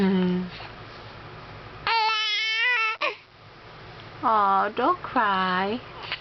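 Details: Short, tonal, rising and falling cries and fussing from a baby girl in a small room, with brief adult voice talking to her; ordinary infant cry.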